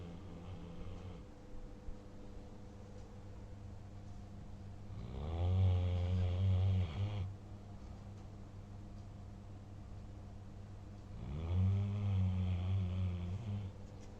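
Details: German Shepherd dog, tired after a long time outside and a full meal: two long, loud, rattling snores about six seconds apart over a steady background hum: dog snoring.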